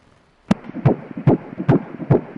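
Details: Rapid, regular whooshing Doppler beats at about 145 per minute, a normal fetal heart rate at 13 weeks of gestation during an obstetric 3D ultrasound.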